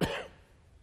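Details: A single short, sharp cough from an adult man during a speech, ending in quiet room tone; cough.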